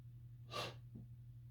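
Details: Male sneezing after a buildup: a single sharp, explosive sneeze with a brief breath afterward, over a steady low hum.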